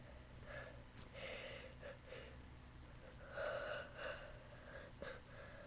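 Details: Quiet, breathy gasps and snorting inhalations build up as the person tries not to sneeze, ending in a brief stifled burst: a held-back sneeze that escapes.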